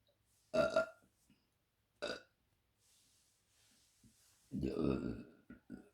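Three loud, throaty burps, the last long and rumbling, with brief quiet between them. Belching.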